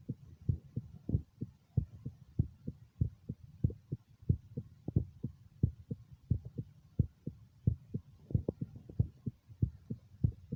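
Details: Own heart recorded by ultrasound (echocardiogram) at the mitral valve: regular paired low thumps with a soft whooshing hum between them at about 90 a minute; normal heart sounds.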